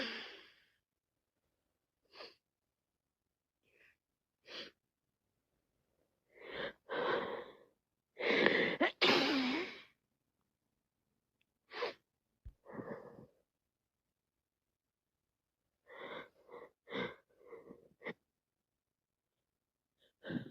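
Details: Sneezing and sniffles from a head cold: sniffs, breathy inhalations and a couple of wet sneezes in a quiet room.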